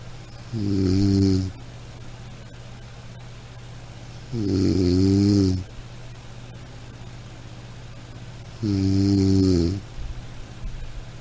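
Three loud, low, rattling snores on breathing in, about 15 a minute, with quiet pauses between and a steady low hum behind.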